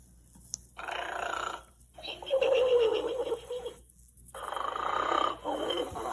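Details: Simulated snoring from a stuffed toy pig activated by pressing its hoof; three long, rhythmic, rough snore bursts separated by pauses.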